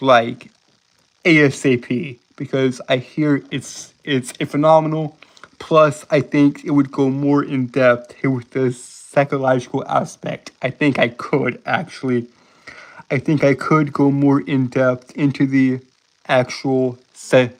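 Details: Adult man with a self-reported speech impediment causing stuttering and tripping over words, speaking on a live stream; audible repetitions; stuttering.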